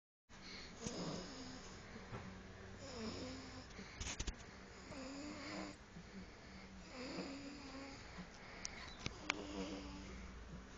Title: Mi gata roncando / My cat snoring